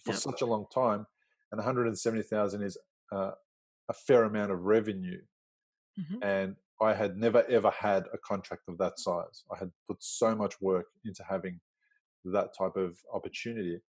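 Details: Adult man; Normal speech.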